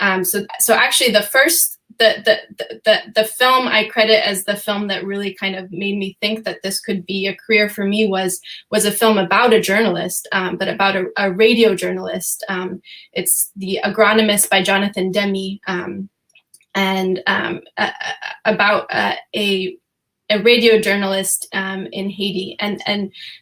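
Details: Adult woman who says she stutters sometimes; stuttering with repetitions of words and phrases.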